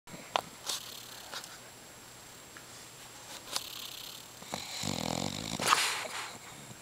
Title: Emily Dog Snoring!!! With Cheek Poof!!